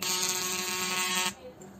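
Loud steady buzzing tone lasting about a second and a half, then stopping: a CO2 fractional laser firing.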